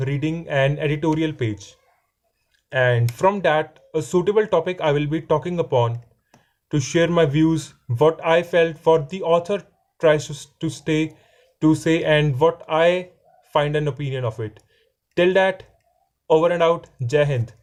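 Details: Stammering in a male fourth-year law student describing his own stammering.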